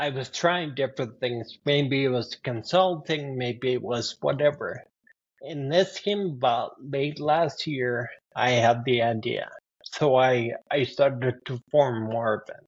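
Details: 52-year-old man with spinocerebellar ataxia type 15 (SCA15), a rare progressive neurodegenerative disorder; speech worsening since his early 40s, along with balance and handwriting; ataxic dysarthria.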